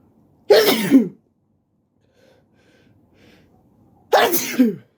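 Two loud, explosive sneezes about three and a half seconds apart, with quiet between them: ordinary sneezing.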